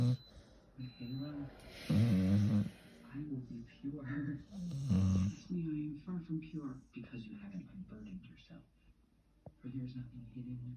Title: Dog is snoring